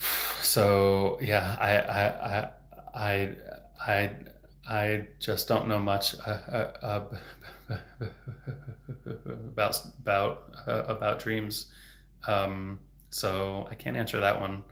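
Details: Adult male speech-language pathologist who has stuttered since age 8, speaking openly in a livestream, with word repetitions: stuttering.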